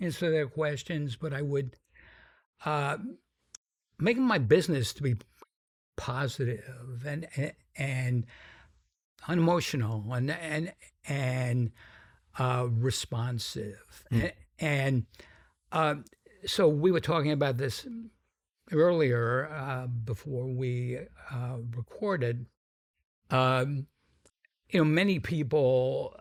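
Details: Adult man with a sometimes noticeable stuttering that he says varies in severity; described by the host as a pretty strong stutter; stuttering.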